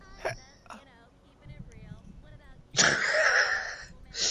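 Brief vocal sounds, then a loud explosive burst of air with a noisy, hissing quality lasting about a second: a sneeze.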